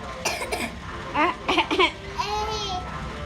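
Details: Young child recovering from a coughing fever, sitting in the sun: two short, sharp coughs, then brief voiced sounds and a drawn-out vocalisation over room noise.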